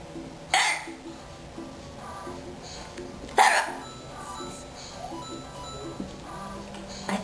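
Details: Two sharp, abrupt hiccups about three seconds apart during a hiccup attack, with faint music and room noise behind them; hiccups.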